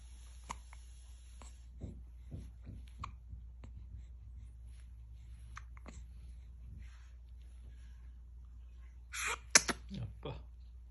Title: #new born #baby #hiccups #sneezeing #yawning